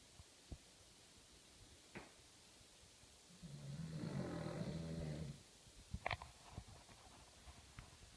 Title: King Charles Spaniels Snore!!